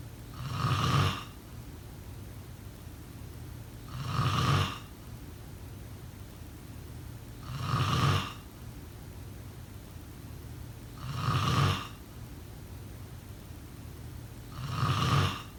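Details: Sleep snoring sound effect: regular rumbling snores about every 3.5 seconds, around 17 a minute, each with a rough low flutter, room hiss between; snoring.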